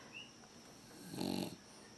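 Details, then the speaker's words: One brief, low, fluttering snore from a dog that fell asleep in a quiet room while its owner was talking: ordinary sleep snoring. "as you can hear G money is snoring right now so um I apologize he was supposed to be sitting here with me in my lap"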